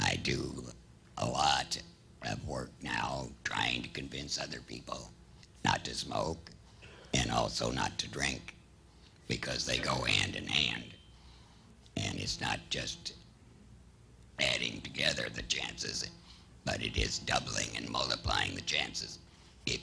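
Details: Man who had laryngectomy surgery seven years ago without chemotherapy or radiation; introduced as having a puncture and as an esophageal speaker: alaryngeal (esophageal) speech after laryngectomy.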